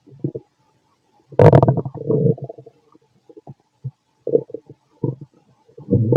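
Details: A fit adult male's stomach after lunch and a carton of milk, possibly recorded with a stethoscope: loud gurgling bursts with short quiet gaps, normal bowel sounds.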